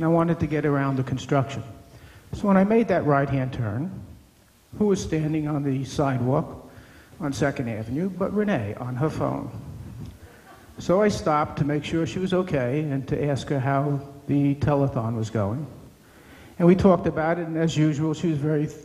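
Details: Adult man speaking; typical speech.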